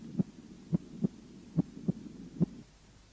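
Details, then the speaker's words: Normal heart sounds at the cardiac apex: regular two-part heartbeat about 70 a minute, first sound louder than the second; the first (systolic) sound has valvular, muscular and vascular components. "в норме на верхушке первый тон громче 2 1 систолический тон состоит из нескольких компонентов"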